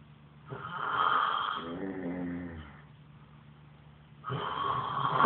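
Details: Snoring.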